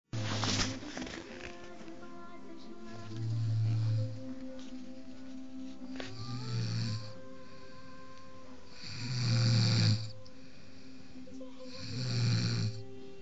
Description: My Friend Snoring caught by me,,, hehehehe